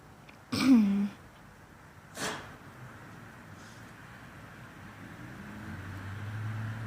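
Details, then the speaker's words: One short snorting sneeze, then a softer nasal puff, with quiet room noise, during a bout of repeated sneezing. Sneezing. "About to sneeze again, are you? What's tickling your nose? What's tickling your nose?"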